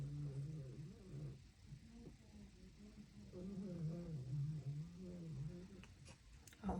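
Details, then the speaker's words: Steady low rumbling with wavering nasal tones of a pet dog snoring while asleep in the background, against quiet room noise; snoring. "you can hear my dog snoring in the background."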